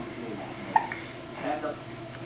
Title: with Hiccups (20090619)